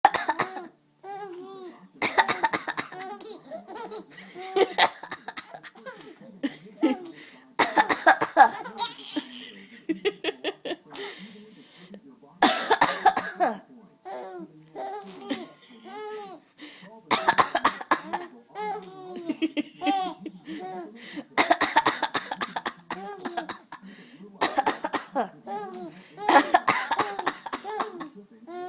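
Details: Repeated deliberate voluntary coughs from the infant's mother, each answered by the infant's bright laughter, in a small room.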